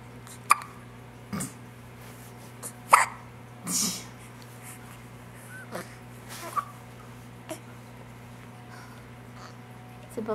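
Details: Three-week-old infant girl with hiccups in a quiet room: soft, brief, repeated squeaky catches of breath, about 25 a minute and irregularly spaced, while she lies snug in pajamas after a bath.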